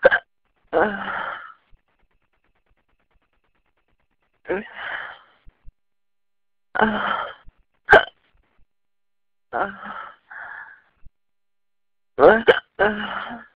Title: Hiccups(audio only)